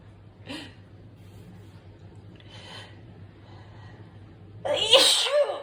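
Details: Sneezing attack with nose blowing and some coughing: a few small, sharp nasal bursts, then one loud, explosive sneeze near the end; sneezing.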